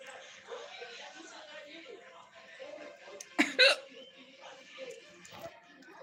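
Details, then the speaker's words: Hiccups just after eating a meal with hot chili: two abrupt, sharp voiced catches close together over quiet background noise. "हिचकी हिचकी आ गया। थोड़ा झाल खा लिए, मिर्ची खा लेते हैं ना तो थोड़ा हिचकी आ जाता है, कभी तेज मिर्ची।"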